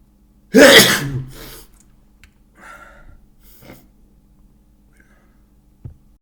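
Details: Loud wet sneeze during a cold: one forceful sneeze, then a few soft sniffs and breaths.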